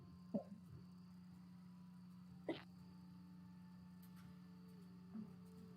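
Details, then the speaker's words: Hiccups in an adult during a live-streamed tabletop game session: three brief, abrupt gulping catches a few seconds apart over a steady hum; the one heard was likened to a fart. "Sorry, that was a hiccup. That sounded like a fart."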